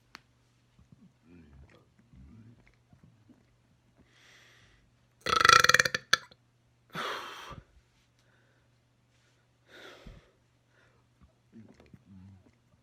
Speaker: just a small one there's a lot trapped inside me now so i should get some more big ones